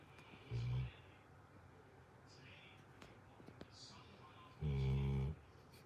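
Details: A Cane Corso that always snores very loudly while sleeping beside a young pit-type dog trying to nap: two loud, low, rumbling snores about four seconds apart, with quiet room noise between them.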